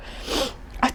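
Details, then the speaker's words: Acted demonstration sneeze by a seated pelvic floor physical therapist: breathy indrawn breath then a sharp, higher-pitched explosive burst, body moving forward, felt going up and out rather than down on the pelvic floor. "it's a higher pitch sound i i i naturally go forward and i can't feel this one as much but i don't feel that pushing down on my pelvic floor it's more like the sneeze comes up and out"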